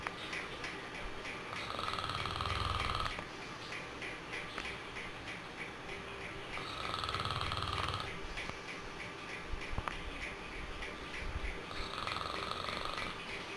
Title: SKY GANG snoring